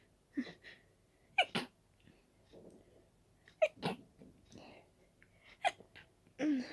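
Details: Allergic sneezing from dust while cleaning: a run of three or four short, sharp sneezes with brief breaths in between.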